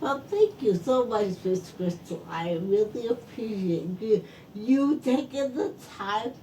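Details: Adult woman stroke survivor whose speech is affected by her stroke; post-stroke speech impairment.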